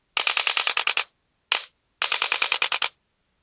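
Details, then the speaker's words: Chiropractic adjusting instrument (adjuster gun) delivering rapid bursts of sharp mechanical clicks, about 200 a minute, to the right knee of a patient with L3–S1 disc bulges and knee pain, freeing a stuck patella and activating marma points. "అందుకని మనం ఈ adjuster gun తోటి మనం ఇప్పుడు adjust చేద్దాం. ఈ ఈ మర్మ పాయింట్లు కూడా మనం ఈ గన్ తోటి యక్టివేట్ చేస్తాం అన్నమాట"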